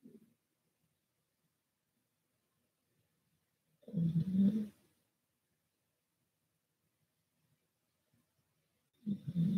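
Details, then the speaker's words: A sleeping dog snoring far away on the other side of an RV: faint, low rumbling snores, about one every five seconds, in an otherwise quiet room. "my dog snores oh you can hear in the background but he's way another side RV"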